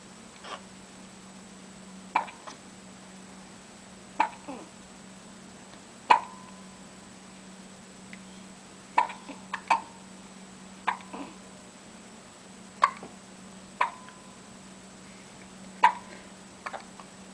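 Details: Twins with hiccups while trying to sleep: short, sharp gulping hiccups at irregular intervals, about 14 over 17 seconds, some overlapping from two children; steady hum behind.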